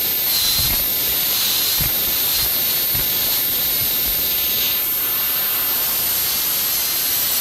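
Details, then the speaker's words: High-speed dental handpiece completing occlusal reduction of the distal half of a dentiform mandibular molar during a complete cast gold crown preparation: a steady high-pitched whine and water-spray hiss that dips slightly as it cuts. "Once satisfied with the dimensional requirements, the occlusal reduction on the distal half of the occlusal surface can be completed. Again, adjust the orientation of the rotary instrument for each step of this procedure."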